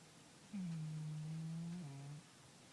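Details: Cat snoring while asleep: a single steady, humming low snore under two seconds whose pitch drops near the end.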